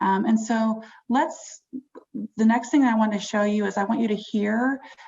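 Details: Adult woman speaking; normal speech.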